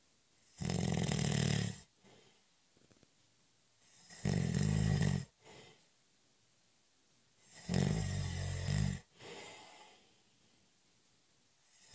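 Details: Snoring during a short, light nap (a doze): three loud, rough, low snores about every 3.5 seconds with soft breathing between; ordinary snoring.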